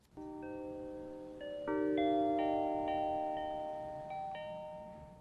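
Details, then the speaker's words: Widex hearing aid Zen therapy for tinnitus relief: soft, overlapping chime-like tones drifting in a slow, musical, relaxing pattern to reduce tinnitus perception. "Widex hearing aids have a popular alternative that they call Zen therapy, and it sounds like this."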